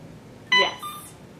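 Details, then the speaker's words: IV infusion pump during initial programming: one brief electronic beep as a key is pressed, then a soft click; normal keypress feedback. "you'll notice that the pump is very annoying and will start to beep at you the person who invented the pump had a sense of humor"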